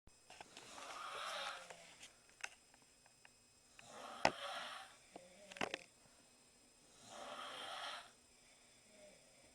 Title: 4 Girls Snoring